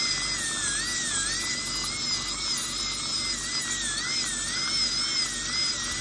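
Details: Real patient, crown preparation for porcelain-fused-to-metal bridges replacing extracted right upper second premolar and right lower first molar: steady, slightly wavering high-pitched whine; high-speed dental drill.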